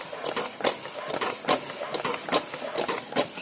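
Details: Homemade double-supply mechanical ventilator prototype for supplying oxygen to two Covid patients at once, a piston pump driven by the to-and-fro motion of a 20-volt windscreen wiper; steady rhythmic mechanical clicking and whirring at about 70 cycles a minute during a trial run.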